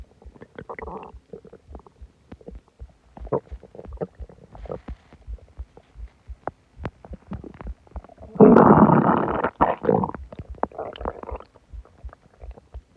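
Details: Loud stomach growling after eating a lot and drinking soda; gurgling and groaning abdominal rumbles with a long growl midway. Borborygmi.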